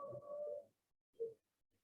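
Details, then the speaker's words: Expiratory wheeze in a child with severe airway obstruction: high, musical whistling on breathing out, with prolonged expiration and extra noise on expiration. "and you can hear that prolonged expiration you could hear all that um extra noise with explanation"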